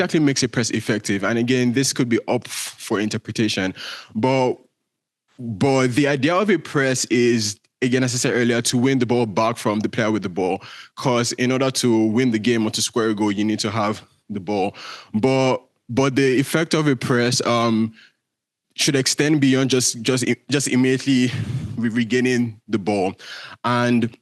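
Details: Real stuttering in a male presenter giving a conference talk, who says his speech impediment shows as repetitions, prolongations or blockages and that listeners will hear much of it; stuttering.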